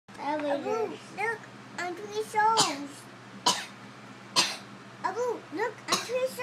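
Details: A child telling a bedtime story in a high, animated voice, interrupted by three sharp, deliberate fake coughs.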